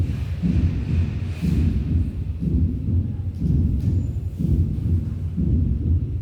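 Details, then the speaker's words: Regular low heart sounds near 60 a minute with an extra soft sound just before the first heart sound: fourth heart sound (S4). "Y este es un cuarto se adelante del primer domingo."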